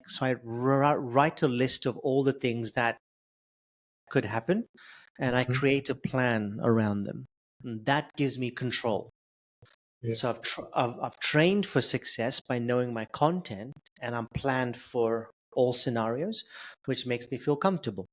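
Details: Adult male who has stuttered since age 10, with blocks, prolongations and repetitions; stuttering.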